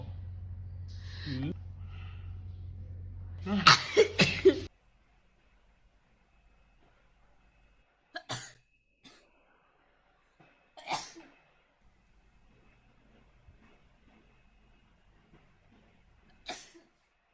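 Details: Brief talk, then a sudden explosive sneeze followed by a few softer breaths and sniffs, triggered by a nasal swab during a COVID-19 test.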